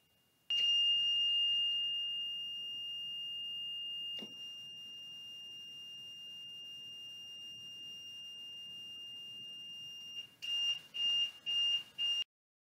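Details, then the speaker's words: Vela ventilator pressing exit after operational verification test: long steady electronic tone with faint hiss, then quick series of short beeps as the ventilator restarts for patient use. "pressing the exit button will restart the Vela for patient use"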